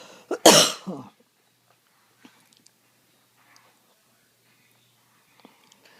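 A single sharp, harsh cough burst with a brief lead-in, followed by near silence; a single cough.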